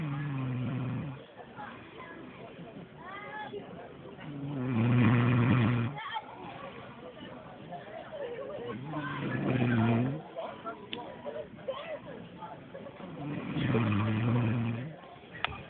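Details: Man snoring outdoors at a picnic: loud, rattling snores recurring about every four seconds, roughly 13 breaths a minute, with some background noise; snoring.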